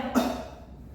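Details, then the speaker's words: Single short cough burst in a simulated nursing choking-management drill: a standing adult man, said to have choked on a meatball, coughs as instructed after the obstructing food comes out. "Bapak sekarang berdiri. Bapak batukan. Batuk, Pak."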